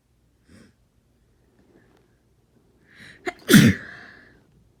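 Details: A quick sharp inhalation, then a single forceful explosive sneeze with a trailing exhale during a cold; the sneeze was not induced and too strong to stifle.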